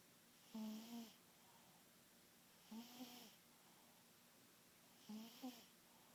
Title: Speedy Snoring